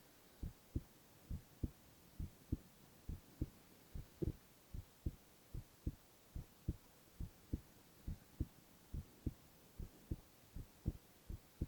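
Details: Young man's heartbeat recorded without talking: soft, regular paired thumps with a steady hiss, about 70 a minute, no added noises; normal heart sounds.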